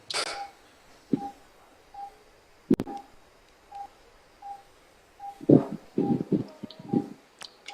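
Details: Right-ear stapedotomy for otosclerosis using CO2 laser and titanium piston: short, evenly spaced electronic beeps as the laser fires in pulses, with instrument clicks and handling noise.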